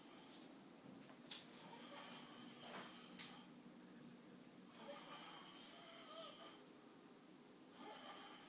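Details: Man asleep sitting upright in a chair after gaming all night, snoring: soft, rasping, irregular snores about 20 breaths a minute, with quiet room noise.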